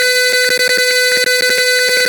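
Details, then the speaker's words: A simulated Arduino IV infusion alarm (Proteus) reads fluid above 100 ml, near empty: yellow LED lit and intermittent beeps over a steady tone: IV infusion low-fluid alarm. "naikkan di atas 100, hampir habis indikatornya, led kuning menyala dan diputus-putus."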